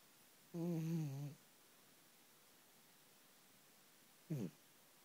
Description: AJ the fat cat snoring. This is a quiet snore too